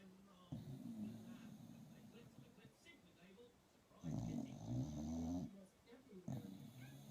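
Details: Pet dog snoring very loudly: deep, rattling, low-pitched snores with long drawn-out breaths and quieter breathing between them.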